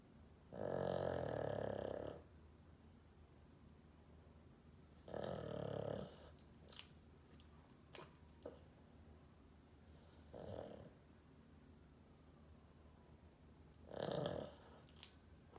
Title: Snoring dog